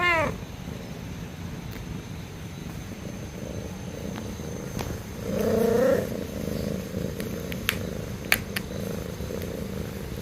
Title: cat snoring